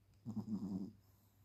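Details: Sleeping Shih Tzu puppy snoring: a short, low, rattling breath sound.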